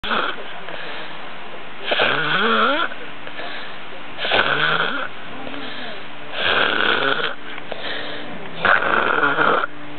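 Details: Loud rattling snores with a rising whistle-like tone, repeating about every two seconds over steady room hum; snoring.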